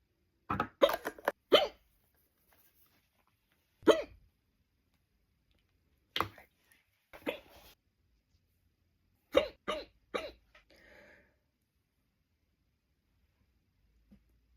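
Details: Girl who can't stop hiccuping; repeated short, abrupt voiced gulps in irregular clusters with quiet gaps between: hiccups.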